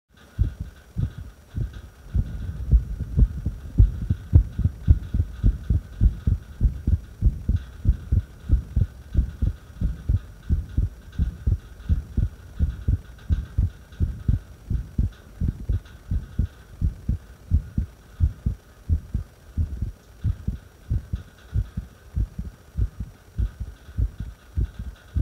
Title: Irregular heartbeat breath hold